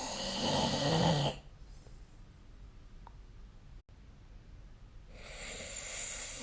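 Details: Snoring during sleep recorded with the SnoreLab phone app: two loud, rough inspiratory snores about four seconds apart, separated by quiet breathing in a still room; snoring.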